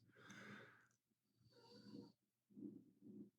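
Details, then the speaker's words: Dog snoring in the background while a person talks on a podcast recording: dog snoring. "Can you hear my dog snoring in the background? There it is."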